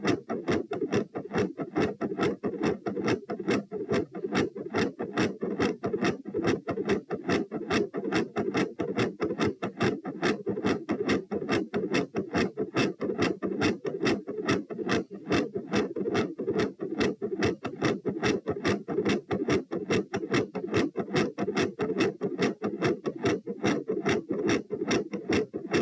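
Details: Heart sounds recorded at position P while standing up: fast, regular rhythm with a soft S1 and louder S2; tachycardia.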